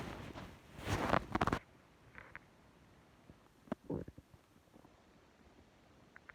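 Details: Stomach growling from hunger at work: loud gurgling rumble about a second and a half, then quieter bubbling gurgles in a still room; normal borborygmi.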